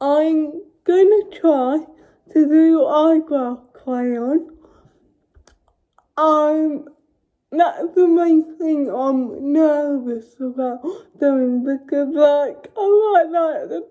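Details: Adult woman with cerebral palsy speaking. Finding: dysarthric speech in cerebral palsy.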